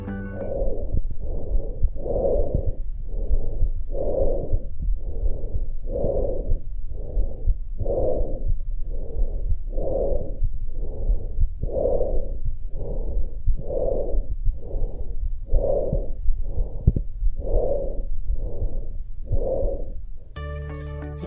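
Loud, hollow, harsh breath sounds, clearly heard in both breathing in and out with a brief gap between, about 30 breaths a minute: normal tracheal breath sound.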